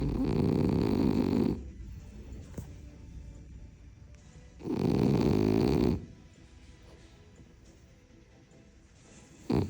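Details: Snoring in a sleeping female French Bulldog: long, loud, rumbling breaths with quieter gaps between them.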